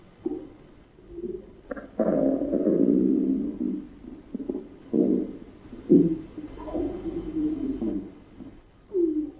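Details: Normal bowel sounds.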